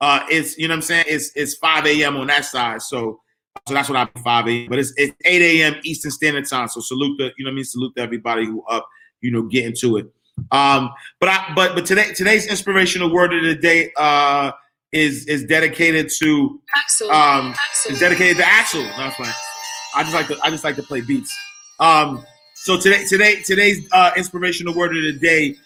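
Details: Adult man whose stuttering began in childhood and persists when he talks fast or is excited; he says it is occurring now.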